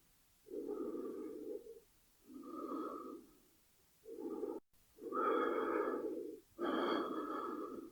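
Slow, steady breathing in and out, about five breaths heard, from a sound-effect recording.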